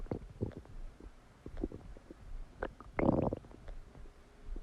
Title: Massive stomach digesting sound after eating a cheeseburger | My Stomach Makes Noises